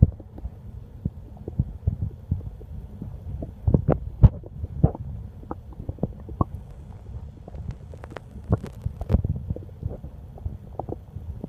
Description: Skipped dinner and now my stomach is growling with hunger.